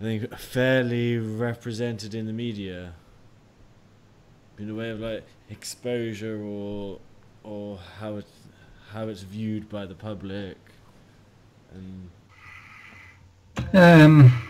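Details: Lifelong stammering (stuttering) in an adult male, managed with prolonged speech and relaxation techniques.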